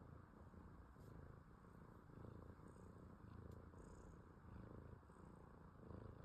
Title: Cat Snoring || First time Seen || #Shorts#🐈🐈🐈🐈